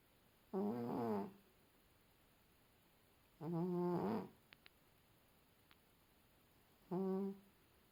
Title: cat snoring